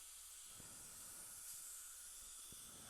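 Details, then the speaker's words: Steady continuous hiss of a dental air syringe air-drying silane bonding enhancer, about a minute, on upper front teeth 8 and 9 before composite bonding of a weak tooth with bone loss to a strong tooth. "I also use it with porcelain and let it dry usually go about a minute or so let it dry air"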